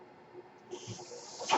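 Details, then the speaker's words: Mechanical ventilator noise at the end of a podcast recording: the speaker's own ventilator gives a soft steady hiss, then a rising rush of air as it delivers a breath. "My name is. That noise you hear is my ventilator."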